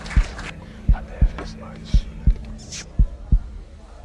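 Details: A steady, quiet heartbeat sound effect of low paired thumps, about 57 beats a minute, with soft piano relaxation music and airy tones over it, meant for sleep.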